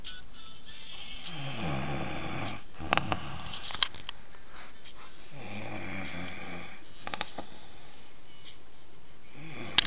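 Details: Adult man snoring, caught on camera: two long, low, rattling snores on in-breaths against a steady room hum, with faint background music; snoring.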